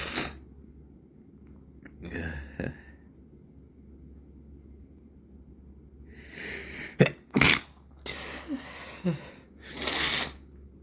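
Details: Evening recording of repeated sneezes, some full and some stifled, with sniffly breaths between, over a low room hum; stuffy nose irritated by irritants for several days, red from rubbing; sneezing.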